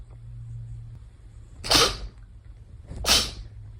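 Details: Two sharp, explosive sneezes about 1.4 seconds apart, each with a brief intake of breath before it, over a steady low room hum.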